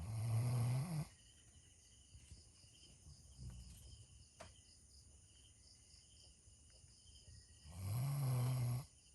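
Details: Sleeping Doberman Pinscher in a funny sleep position snoring: two deep, low rumbling snores about seven seconds apart, with quiet breathing and faint outdoor insect sounds between.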